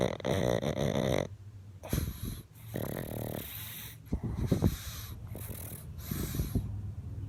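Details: A sleeping pug snoring heavily: rough, snorting snores with rattling in-breaths and uneven breathy gaps between them.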